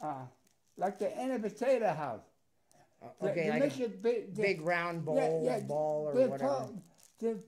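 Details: Adult speaker; ordinary speech.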